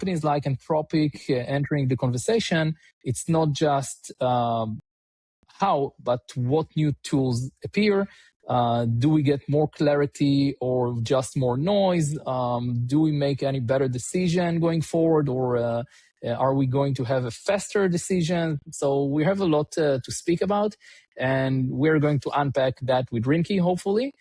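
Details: Adult male speaker; normal voice.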